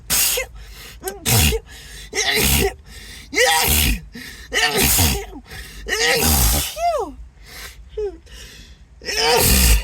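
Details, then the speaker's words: Acted, announced sneezing fit: repeated sneezes with gasping in-breaths and groans between, apologies, and the sneezer suspecting an allergy; music in the background. "I just can't stop sneezing God sorry sorry"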